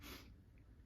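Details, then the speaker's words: Adult after a run, sneezing repeatedly and suspecting allergies are returning: a single abrupt, hissing burst of air fading into quiet breathing, a sneeze. "excusez-moi j'arrête pas d'éternuer je crois que les allergies reprennent super"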